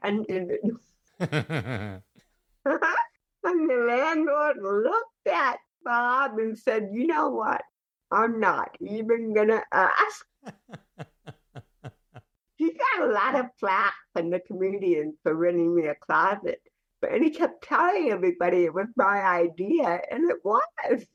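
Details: Adult woman with cerebral palsy, a television actress and comedian, speaking in a podcast interview; dysarthric speech in cerebral palsy.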